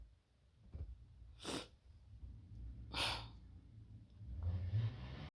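Two sharp, explosive nasal bursts about a second and a half apart, then snuffling breath over low background rumble: sneezing.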